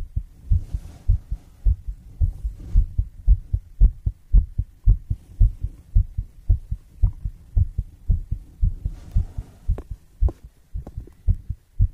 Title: HEARTBEAT SOUND COFFEE